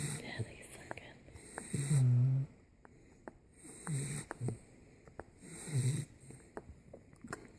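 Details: Sleeping 10-week-old Boxer puppy that usually snores: low snoring on each breath with small wet sucking and clicking sounds between, suckling while asleep.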